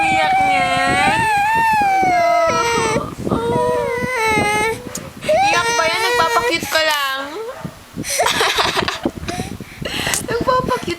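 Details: Baby crying with high wavering cries and whimpers while an adult talks softly in the room; adult suggests the baby is upset by the heat; ordinary infant crying.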